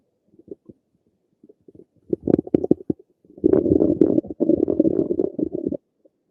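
Loud gurgling, bubbling rumbles in irregular runs from the belly; ordinary stomach rumbling of gas and fluid moving through the gut.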